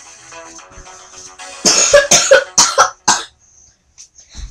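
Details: Coughing fit during a song parody: soft background music, then about six rapid harsh coughs in a row, followed by quiet.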